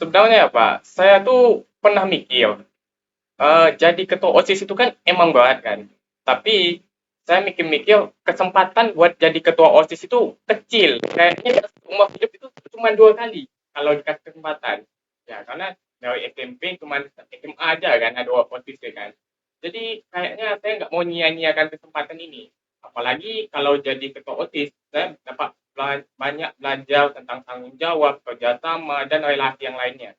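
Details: Male high school student who says he is 'cadel', unable to pronounce certain sounds, typically /r/; the interviewer confirms it is audible; rhotacism (/r/ articulation errors).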